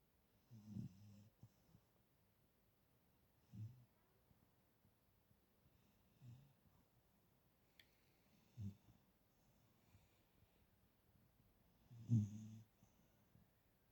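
Soft, low snoring breaths about every three seconds, roughly 20 a minute, in a quiet room; a small dog snoring in sleep.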